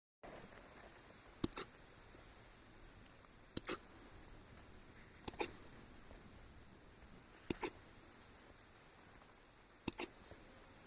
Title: Jax hiccup #cutepuppy